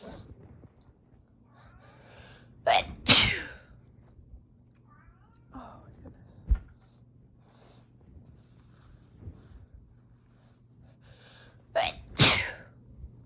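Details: Sneezing fit with tickly, itchy nose and watery eyes: two sharp double sneezes with a quiet stretch between, and a cat meowing faintly in the background.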